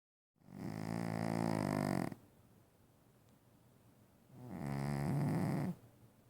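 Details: Two long, loud, droning snores with a buzzing, vibrating quality, separated by a quiet pause of about two seconds; loud snoring from Oscar.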